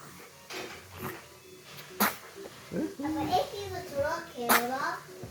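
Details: Two-month-old infant sneezing: two brief, sharp sneezes with soft cooing between them; normal infant sneeze.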